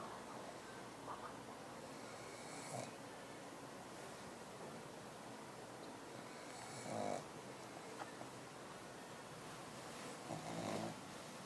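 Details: Pug lying down, falling asleep and snoring: soft, uneven snorting snores, roughly 16 a minute, over steady room noise.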